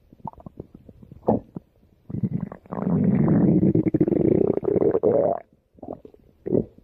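Bubbling gurgles and a long rumbling growl from the belly; ordinary stomach growling.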